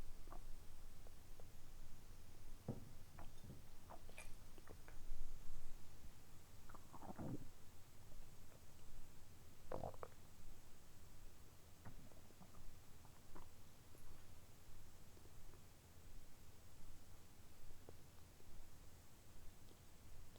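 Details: Stomach recorded early morning after downing a glass of milk in one go on an empty stomach; low gurgles and scattered bubbling clicks over a steady low rumble; ordinary bowel sounds (borborygmi).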